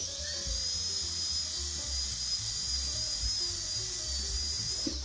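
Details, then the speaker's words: Steady high-pitched dental drill whine with faint background music, a changed bur smoothing the whole tooth surface to a uniform about 0.5 mm for laminate veneer preparation: dental drill. "삭제하고 나면 이 부분이 이제 갈리게 되고요. 또 반대편에서도 또 삭제를 합니다. 이렇게 삭제하고 난 다음에는 버를 바꿔서 치아를 전체적으로 다듬어 주게 됩니다."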